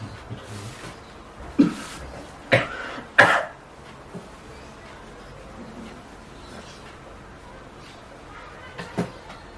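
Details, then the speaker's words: Adult male patient performing an effective-cough procedure demonstrated by a nursing student (deep nasal breath, hold, then cough to clear sputum): three forceful cough bursts, then a softer one, in a quiet room. "Lakukan sekali lagi ya Bapak. 1, 2, 3, tarik, keluar, tahan 1, 2, 3, kemudian yang 1, 2, 3 batukkan."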